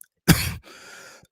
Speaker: But guys, you can hear me coughing. My body's giving out because I shouldn't really have done this live because I'm still recovering from a bad flu.